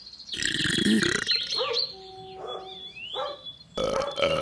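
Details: Dog burping: a long, loud, rumbling belch, a quieter stretch, then a second belch.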